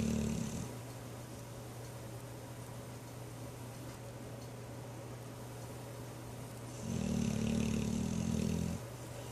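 Low rumbling snore on inhalation at the start and end, with a quiet stretch between, over steady room hum.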